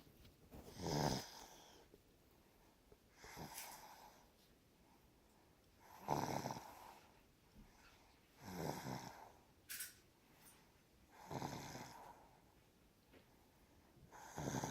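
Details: Snoring: repeated rough, rattling snores on each in-breath, about 11 a minute, with quiet pauses between.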